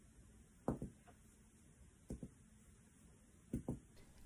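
Three pairs of quick, hollow finger taps on the chest, a normal resonant percussion note.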